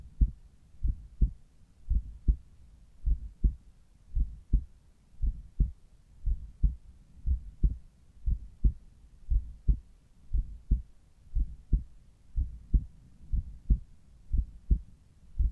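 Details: Normal heart sounds at the apex, recorded in the morning with a Littmann Cardiology 4 stethoscope: steady paired lub-dub at about 60 beats a minute, clear, with no extra sounds.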